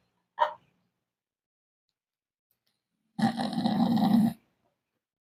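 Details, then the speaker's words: Snoring from an elderly grandfather sleeping in winter, after being given crushed and liquid medicine. "masih ngorok tak biarkan dulu Nanti sekitar jam 09.00 mau aku bangunkan dan aku kasih dia mandi"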